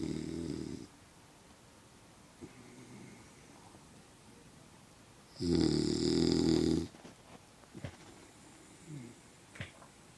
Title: Snoring dog